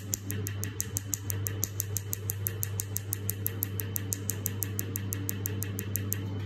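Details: Laser tattoo removal device firing during a tattoo removal session: steady sharp clicking pulses about one per second over a low machine hum.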